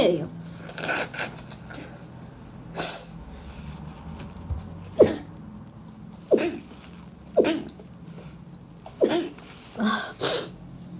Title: Spanish speaking women sneeze and blow their noses